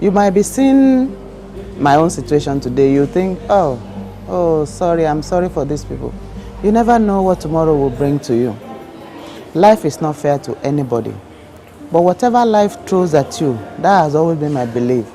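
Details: Adult speaker; ordinary speech.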